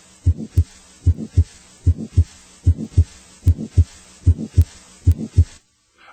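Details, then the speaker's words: A teaching recording of a regular heartbeat at about 75 a minute with a soft systolic whoosh, quiet but heard immediately on placing the stethoscope on the chest: a grade 2/6 heart murmur. "a grade-two murmur is quiet but heard immediately after placing the stethoscope on the chest"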